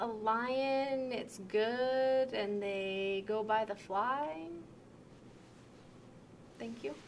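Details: Acted moderate Wernicke's aphasia, an acquired language disorder with impaired comprehension; picture description with fluent but meaningless speech full of made-up words (jargon); Wernicke's aphasia (fluent jargon speech, acted).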